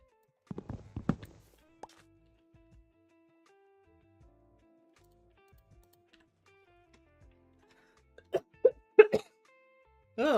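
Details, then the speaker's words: Adult recently sick for a few days: short bursts of coughing, a few in quick succession, brought on by a tickle in the back of the throat, over quiet background game music. "sorry. I meant to mute on here as well. I didn't mean for you to hear that cough. My apologies. Snuck up on me. It's like, you know, the tickle in the back of your throat."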